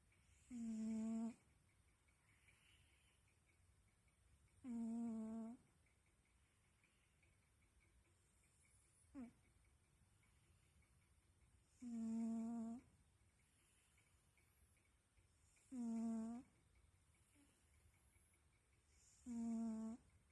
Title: Cat snoring.